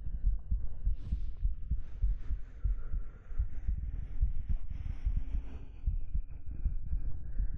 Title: Let Me Hold You Close~ [3DIO ASMR] [Minimal Talking] [Hugs] [Fabric Sounds] [Stroking] [Heartbeat]